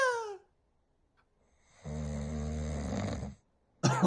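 A single long, low rattling snore on an in-breath, with brief other sounds before and after it.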